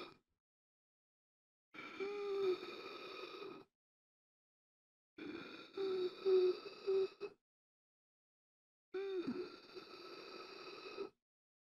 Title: Gasping For Air 1 Hour - Sound Effect